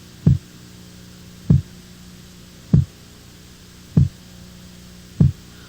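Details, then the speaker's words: First heart sound (S1) from mitral and tricuspid valve closure, auscultated at the mitral focus in a teaching examination: single low, dull thuds at about 49 a minute over a faint hum, longer and deeper than S2. "A primeira bulha corresponde ao fechamento das válvulas mitral e tricúspide, sendo que o melhor ponto de ausculta é o foco mitral. Seu som é mais prolongado e mais grave do que o da segunda bulha."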